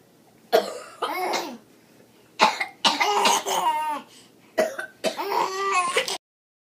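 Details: Cough.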